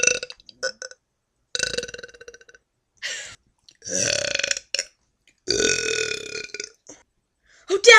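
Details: Friend burping: a run of loud, throaty burps, some short and some drawn out, with brief silences between; ordinary belching.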